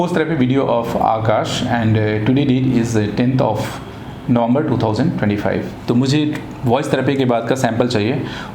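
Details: Adult man speaking; normal adult male speech.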